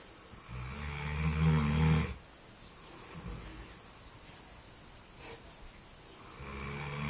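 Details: Low, rattling snore on the in-breath followed by quieter breathing and the next snore beginning; typical snoring in a sleeping animal.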